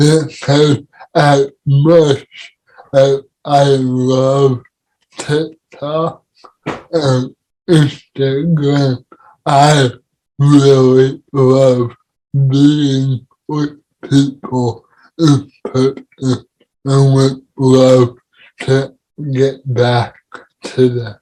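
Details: Dysarthria in a man with cerebral palsy, speaking in a podcast conversation about living with CP.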